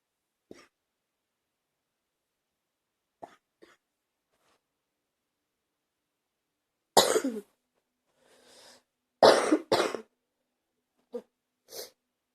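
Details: Several harsh, forceful coughs in a short cluster, with a breath drawn between them, from an adult with a bad cold.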